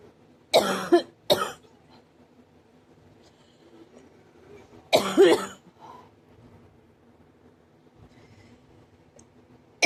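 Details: Adult whose cough is hurting the ribs and chest: three harsh, forceful cough bursts, two close together and one after a pause, in a quiet room; cough.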